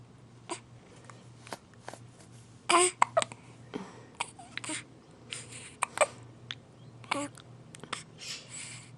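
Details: Two-week-old baby with hiccups: short, abrupt catches about every second with small whimpers in a quiet room.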